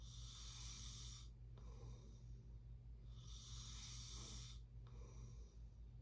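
Rhythmic snoring with a harsh, hissing airflow on each breath and a low steady hum behind it.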